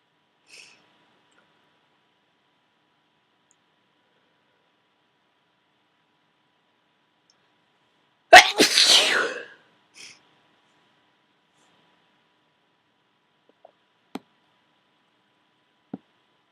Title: Powerful Cold Sneezing